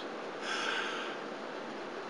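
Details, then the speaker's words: A single hard, fast breath out through a peak flow meter mouthpiece, rushing and airy: a demonstrated forced peak flow effort, one of several repeated attempts with the best taken. "as you do that the vein on the bottom will pull up push up and push that little indicator up the scale now it's important that the patient does not restrict the exhalation orifice or any of the valving on the side"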